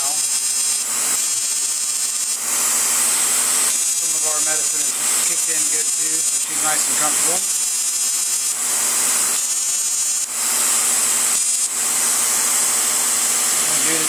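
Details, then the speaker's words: Woman, total FX fractional CO2 laser facial resurfacing, very small spot size on forehead and around mouth, patient comfortable: repeated high-pitched buzzing hiss bursts with soft talking; laser firing. "So this is a very very small spot size. So that's why you can't really see much change on the skin."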